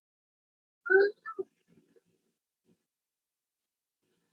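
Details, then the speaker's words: Patient with multiple system atrophy recorded asleep during laryngoscopy: vocal cords paradoxically close on inhalation, giving two harsh, high-pitched crowing sounds on breathing in: inspiratory stridor. "see listen as the person breathes in the vocal cords paradoxically close and we get the stride or sound that's not breathing out that's breathing in"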